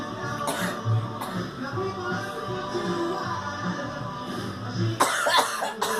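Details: A girl gives several short coughs over steady background music.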